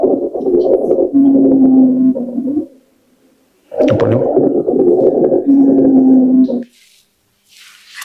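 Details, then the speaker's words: Stethoscope auscultation of a child's chest: two noisy breaths with a steady musical wheeze over fine crackling, typical of bronchiolitis. "Este ruido que hace la bronchiquiolitis"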